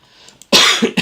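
A single short burst of coughing with a throat-clearing quality after quiet room sound; a plain cough.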